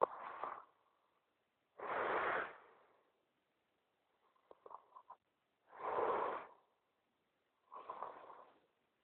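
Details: Snoring: rough, rasping breath sounds recurring about every four seconds, with short snorts in between.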